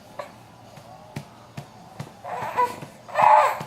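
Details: Infant girl being patted during burping: soft pats while she fusses, then two short cries, in a quiet room.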